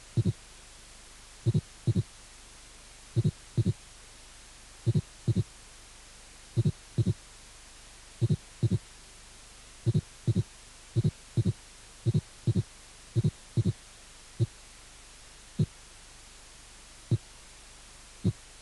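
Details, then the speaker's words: Third and fourth heart sounds from a cardiac auscultation teaching course: low, dull heart sounds in clustered groups, giving a quadruple (four-beat) rhythm. "tercer y cuarto ruidos ritmo en cuatro tiempos"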